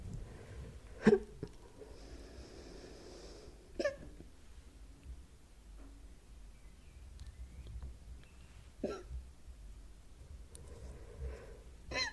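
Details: Four sharp, abrupt hiccups spaced several seconds apart in a quiet room, recorded as ASMR hiccup content.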